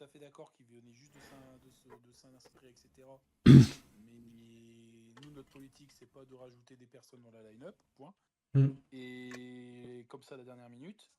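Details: Adult male speaker, French; normal voice.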